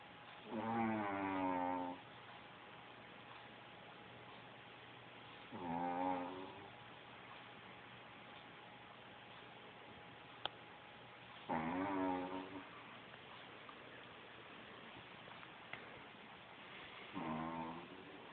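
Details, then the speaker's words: Four whistling, buzzy snores about every five seconds with quiet pauses from Taco, a sleeping Chihuahua dog; snoring. "Is that you, Taco, making all that noise? Yeah, just like your daddy? Bella, you don't get no sleep? Hmm? Oh, Taco's so tired. Alright, go back to snoring."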